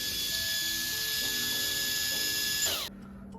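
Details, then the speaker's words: Dental handpiece (Midwest RDH) run for up to 30 seconds after weekly lubrication until it runs dry: a steady high-pitched whine that then winds down as it stops. "And also continue to run up to 30 seconds until handpiece runs dry."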